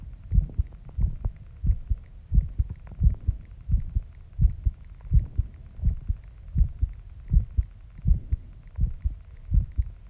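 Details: Heartbeat recorded after a shower: steady soft low thumps in pairs at about 83 beats a minute; normal heartbeat.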